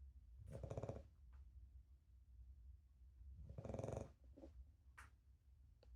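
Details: Dog Penny snoring while asleep; owner plans to have the snoring treated when she is old enough. Two slow, low, rattling snores about three seconds apart in a quiet room, faint movement noise between.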